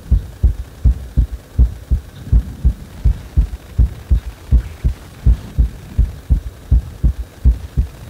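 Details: Regular, strong low thumps at about 82 per minute with a faint hum, a heart speeding up on its own after compression; rapid heartbeat.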